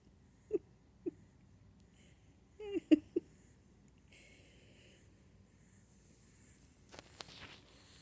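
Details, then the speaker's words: Sleeping Jack rex rabbit snoring: several short, high, squeaky snoring breath sounds in a quiet room, then brief rustling. "He was just snoring a minute ago. It was very funny."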